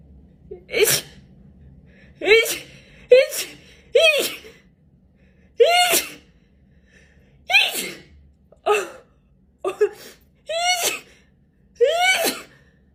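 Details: Female: about ten sharp sneezes over thirteen seconds in a rapid series, each a brief voiced 'choo' preceded by a quick breath; repeated sneezing.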